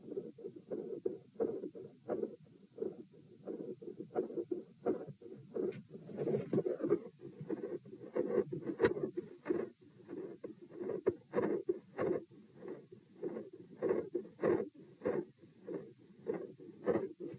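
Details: Heart sounds recorded at position P on a second test: mostly quiet with intensity rising at the end, rates 90-72-96-90-102 bpm, with a pronounced respiratory phasic pattern persisting despite provoking manoeuvres.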